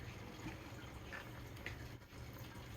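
Steady hiss with soft bubbling and gurgling water as a steam vaporizer runs in a small room.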